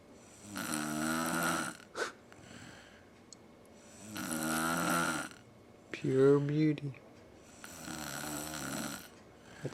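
Loud, rough, rumbling snores come with each breath in, roughly every three and a half seconds, with a brief throaty sound between two of them.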